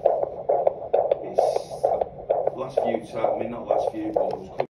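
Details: Fetal heartbeat at 31 weeks of pregnancy: rapid, regular whooshing pulses at about 130–140 beats a minute.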